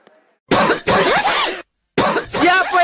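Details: Three harsh, voiced cough bursts with pauses between them, acted by an adult in an advertisement for a flu and cough medicine; a simulated cough.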